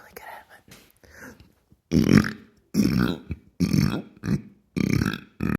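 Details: Deliberate, practiced burping: a run of about five loud, deep belches after a few softer sounds, in a small room.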